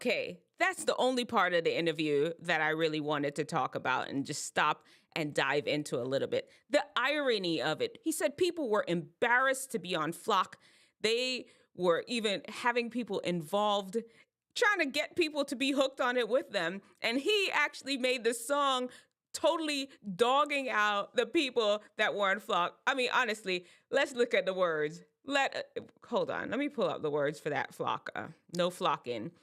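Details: Adult woman speaking; normal speech.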